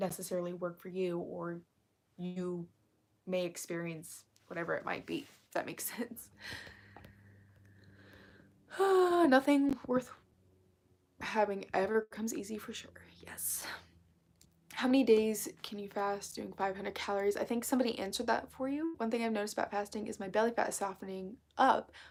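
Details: Vocal fry in an adult female, self-reported as currently really bad, which she attributes to speaking quietly so as not to disturb someone working in another room; vocal fry.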